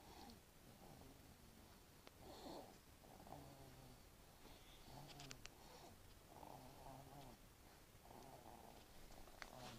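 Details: Soft, regular rumbling breaths, close to a purr, against steady background noise; light snoring.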